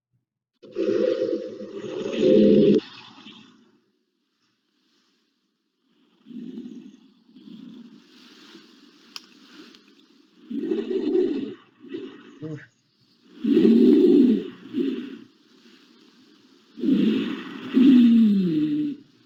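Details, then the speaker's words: Teaching recording played in a cardiac-focused assessment lecture: loud, harsh breaths separated by pauses, several with a rough or musical whistling tone; abnormal breath sounds including stridor and wheeze, also presented alongside asthma, pulmonary edema, cystic fibrosis and fibrosis examples. "you tell me that one poor guy has stridor asthma pulmonary edema oh my god did you see you have cf2 oh fibrosis it's bad"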